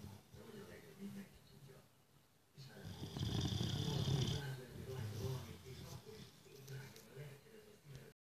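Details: Sleeping boxer dog that snores every day: rough, rumbling snores, loudest in a long burst mid-clip, with quieter snoring around it.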